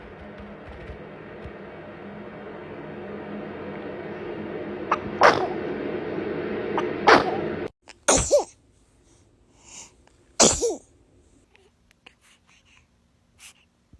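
Several short, sharp infant sneezes over steady background noise, followed by quiet.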